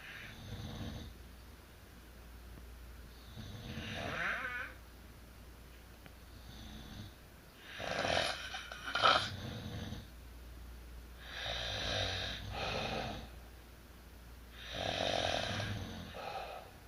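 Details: Two adults, a couple, sleeping together and both snoring heavily: loud, rough, overlapping snores about every 3 to 4 seconds.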